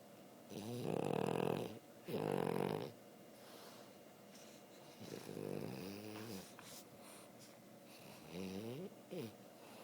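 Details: A very tired dog snoring while asleep, with nasal snorting snores in short rattly bursts and softer wheezy breaths between them.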